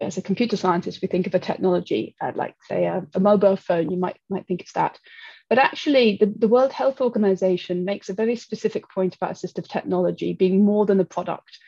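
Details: Adult woman speaking; typical speech.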